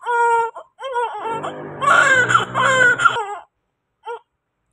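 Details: Low-birth-weight newborn baby delivered by C-section: strong, high-pitched wailing cries with brief pauses for breath, a vigorous first cry after birth.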